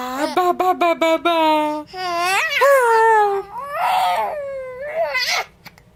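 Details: 7-month-old baby giggling and then getting the hiccups: rapid choppy bursts of laughter broken by sudden catches, then longer squealing laughs: laughing with hiccups.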